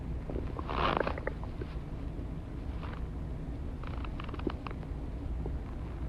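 Low gurgling rumbles with brief bubbling pops over a steady low background, typical of stomach growling from gas and fluid moving through the gut.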